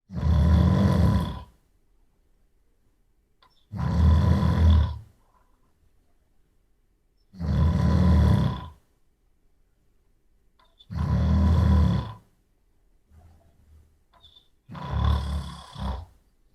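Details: An adult man snoring at night, recorded in isolation with a Sony PCM D100 in 24-bit/96kHz stereo: loud, rough, low-pitched snores about 17 a minute, each over a second, with silent gaps.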